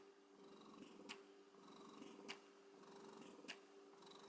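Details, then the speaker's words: Spectra S2 electric breast pump running in expression mode, backflow protector shown working normally: quiet rhythmic mechanical swishing with a click about 50 times a minute. "I also wanted to show you before I go what the backflow protector looks like when it is in expression mode and it's working pretty good, because I was always curious to see if mine looks normal, and that's what it should look like, what it's doing."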